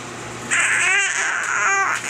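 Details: 5.5-month-old baby boy during tummy time, frustrated while trying to move or roll: fussing and crying in short rising and falling wails with faint room hum.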